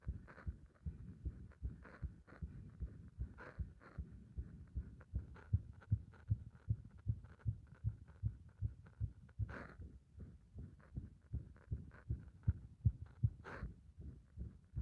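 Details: Heart described as compressed and stumbling: rapid, strong heartbeats with uneven spacing and occasional stumbling or skipped beats; irregular heartbeat with skipped beats.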